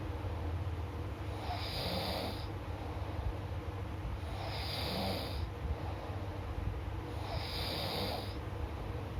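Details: Adult snoring: three rhythmic, rough, rattling breaths at about 20 a minute over a steady low room hum.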